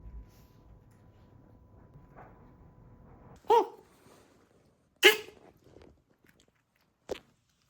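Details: Three short, harsh, dry cough bursts from a puppy, spaced a second or two apart in a quiet room; owner asks if something got stuck.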